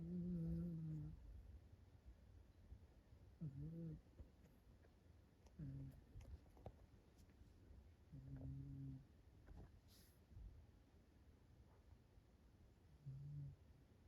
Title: Junebug twitches & snores while she sleeps